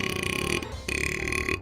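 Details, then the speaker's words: Adult man burping after a meal at Olive Garden, having held it in during a 20-plus-minute recording session: a short, voiced, resonant belch with a brief gap partway through; ordinary burp. "I'm sorry. I tried to hold it in. I couldn't hold that one in."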